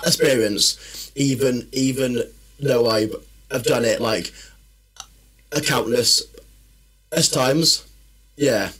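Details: Man who has stammered since childhood, which he says worsens when tired, stressed or nervous; stuttering.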